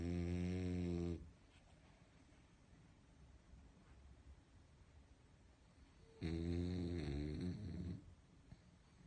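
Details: Calm, comfortable sleeping dog snoring: loud, low rumbling snores with quiet pauses of several seconds between breaths.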